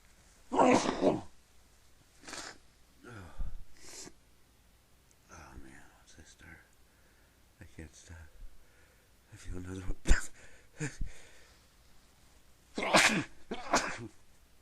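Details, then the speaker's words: A bout of several muffled, deliberately held-back sneezes with breathy catches and quiet muttering between them, while trying to keep them quiet: repeated stifled sneezing. "I feel like got to sneeze I feel like it later I'm start keep it quiet"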